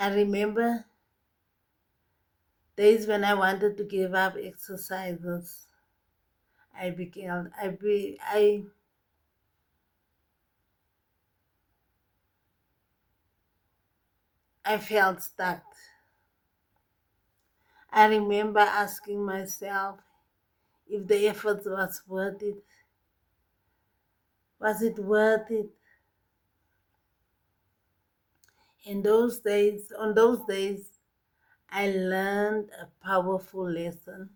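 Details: Post-stroke speech difficulty in an adult woman with left-side paralysis who walks with a stick; the speech difficulty is long-standing and improving but not gone, with repeated and broken words.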